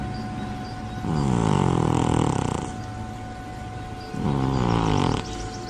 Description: When cat snoring in sleep he is in a state of deep relaxation. Overweight cats with flat faces and short noses are more likely to snore.